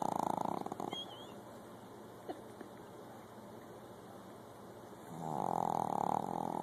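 Loud buzzing snores at the start and end with a quieter breath between, over steady room hum. Snoring.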